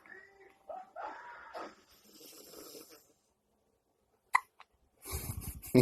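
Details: Infant hiccups: soft grunts and vocal sounds, then a sudden sharp catch with a smaller one after, followed by rustling.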